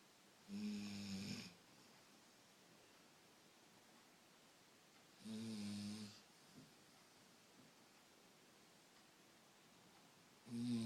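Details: Dog snoring while sleeping on pillows: rattling snores on each inhalation, about three in ten seconds, separated by quiet exhalations.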